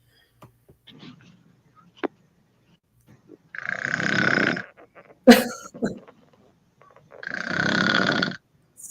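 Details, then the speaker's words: Woman snoring during sleep: two long rattling inspiratory snores separated by quiet breathing and small mouth noises; snoring, not stated to be sleep apnea. "I'm saying it's cute but to be honest on the serious side snoring isn't always cute you can have sleep apnea but this isn't sleep apnea that I have or someone else"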